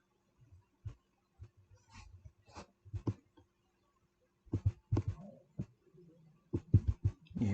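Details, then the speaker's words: Stomach growling (borborygmi) interrupting a recorded lecture, which the speaker attributes to hunger: irregular low rumbling and gurgling bursts with pauses between them in a quiet room. "that my stomach saying you got to feed me boy"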